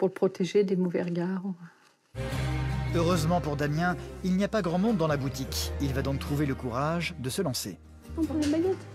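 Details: Adult narrator speaking French over background music; ordinary fluent speech.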